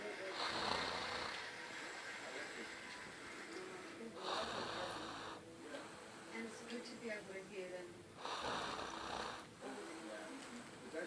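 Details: Someone snoring: three harsh, rasping snores on breathing in, about 15 breaths a minute, over steady room noise; snoring.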